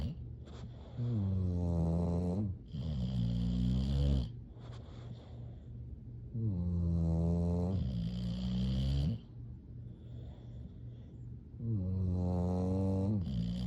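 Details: Sleeping English bulldogs snoring: deep, resonant, rattling snores, about 12 a minute, each a long vibrating in-breath followed by a quieter out-breath.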